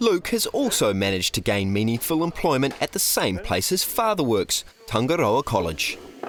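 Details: Adult male narrator; Normal narration.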